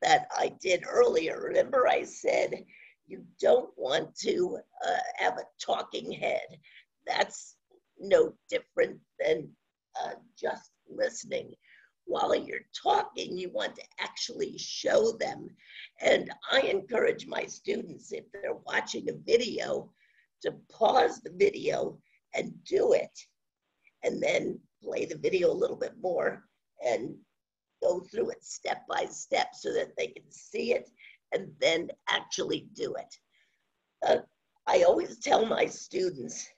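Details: Adult woman with scratchy voice from spasmodic dysphonia, onset around 2010 and progressively worsening, no cure; her Botox injection was postponed by the doctor; spasmodic dysphonia.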